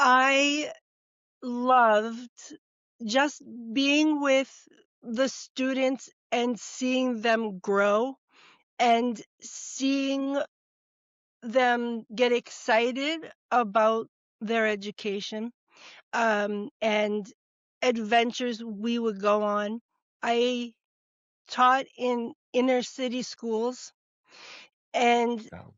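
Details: Adult woman, former educator of 30 years, with expressive (Broca's) aphasia diagnosed after stroke and TIAs that followed atrial fibrillation and cardioversion; expressive aphasia (Broca's aphasia).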